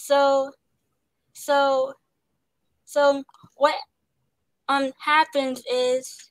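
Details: Young woman actress who stutters, with word repetitions and interjections; stuttering.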